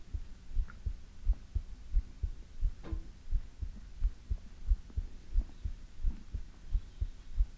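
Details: Steady low thumping heartbeat at about 90 beats a minute with a soft hum behind it, from an ASMR heartbeat recording; normal regular heartbeat.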